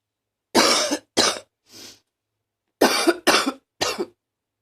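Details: Coughing, mostly barking: six harsh, loud coughs in two clusters with a breath between, rough barking quality; barking cough.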